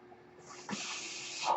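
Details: Speaker's own real mechanical ventilator during podcast recording: near-silence with a faint steady tone, then a sudden sustained airy hiss building slightly as a breath is delivered; mechanical ventilator breath cycle.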